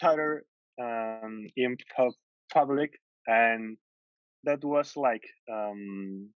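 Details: Adult man from the Netherlands who stutters, at times severely; long pauses between words suggest blocks; stuttering.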